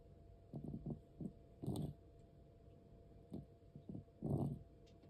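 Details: Noisy breathing in a 13-year-4-month-old cat with asthma: repeated short, rough, rasping breaths, some longer and harsher, in a quiet room; occurs also during sleep, sometimes stops.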